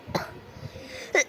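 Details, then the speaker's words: A child, speaking on camera, apologizes for coughing and gives two short, sharp coughs about a second apart against quiet room noise; cough. "Maaf Kis aku batuk ya"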